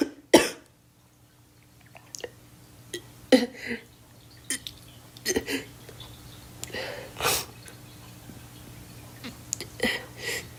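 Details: Girl coughing: one sharp cough, then scattered softer coughs and throat clearing at irregular intervals, about a dozen in ten seconds.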